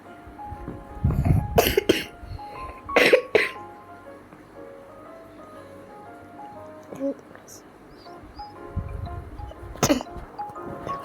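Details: Child who is sick coughs repeatedly during an eating ASMR recording: several short, sharp cough bursts, some in quick pairs, over soft background music.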